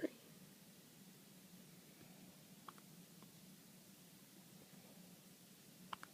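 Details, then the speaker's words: One-day-old newborn boy: faint, brief hiccup catches about every three seconds in a quiet room while family talks to him; newborn hiccups. "Show Grandma you got the hiccups. You got the hiccups."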